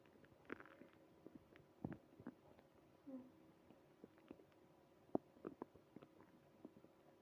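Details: Early morning stomach growling, quiet scattered gurgles and pops over a faint hum; ordinary bowel sounds (borborygmi).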